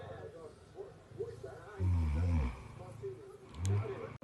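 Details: Snoring of a person while a tired cat listens: two loud, low, rattling snores, each under a second, over a quieter rumbling background.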